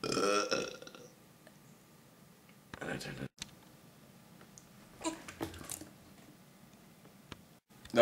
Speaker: 100 burps in 20 minutes let's get cracking